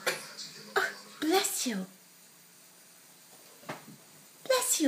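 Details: Small high-pitched sneeze bursts with voiced squeaks from a child, a pause, then another brief burst; adult voice nearby saying "I love you."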